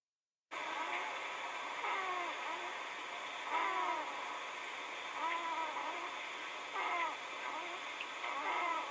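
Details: Great blue heron chicks snoring, recorded 2013-06-04: repeated raspy, rising-and-falling calls about every two seconds over a steady hiss, the chicks' normal snoring sound.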